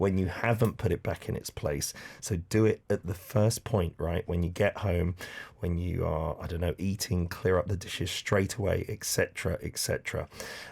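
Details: Adult man speaking; Normal voice.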